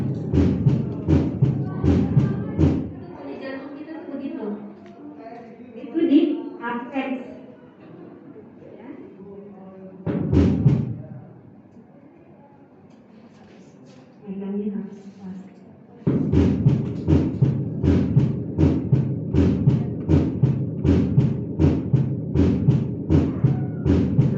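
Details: Heart auscultation of the chest with a stethoscope during a physical exam demonstration: steady low thumps at about 80 a minute with normal first and second sounds; normal heart sounds.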